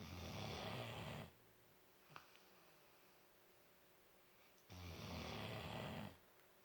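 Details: Four-month-old puppy snoring: two loud, rough, rattling snores about three and a half seconds apart, with quiet breathing between them; ordinary snoring.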